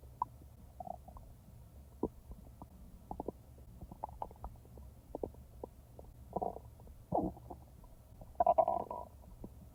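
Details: Real stomach sounds, edited and not in real time: scattered soft clicks, pops and short watery gurgles over a low hum, with a longer bubbling rumble near the end; borborygmi.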